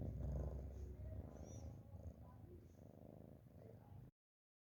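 Low, rumbling fluttery breathing noise from a sleeping cat, fading over a few seconds; soft snoring.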